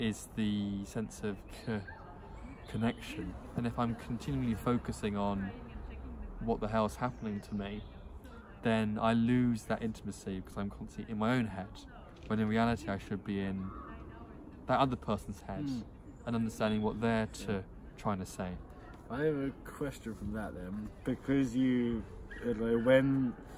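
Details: Stuttering (stammering) in an adult who stutters, who is using speech techniques.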